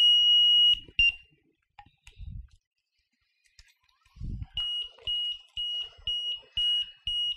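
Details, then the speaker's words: A high-pitched tone, then rapid repeating beeps: an LTV 950 ventilator low-battery alarm with an amber indicator while running on its internal battery. The alarm continues until external power is connected. "we've got battery low and we've got amber in the window so we are on the battery level the internal one our battery it's telling us it's low and it's amber so I need to plug something into it"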